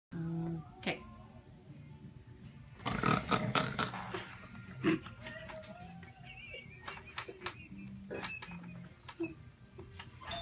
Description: Baby and Santa are snuggled up together taking a nap. Until Santa begins to snore, which then wakes the baby.